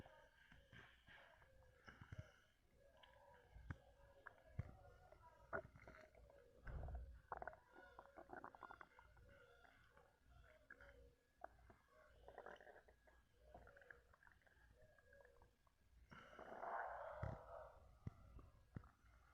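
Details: Low gurgling, rumbling stomach sounds with small bursts, swallowing noises and burps while chugging Coca-Cola in a quiet room; borborygmi.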